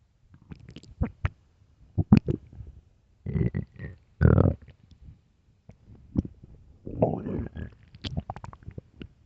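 Loud low gurgles, squeaks and rumbles in irregular bursts, typical stomach growling from hunger.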